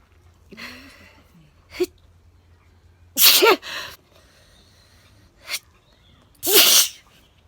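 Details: Sneezing from an adult: a short run of loud, explosive sneezes, each preceded by a quick, sharp intake of breath.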